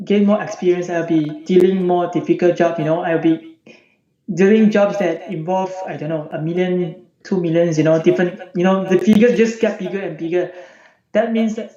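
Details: Adult male from the UK, recorded before online voice therapy, with the voice unchanged since age 14; puberphonia.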